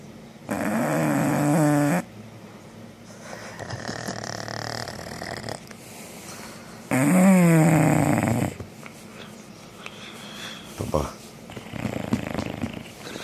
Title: Willy snoring like a beast